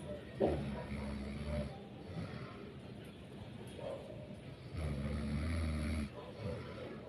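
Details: Quiet, low snoring on two breaths from a tired sleeper, with soft room noise between; ordinary snoring.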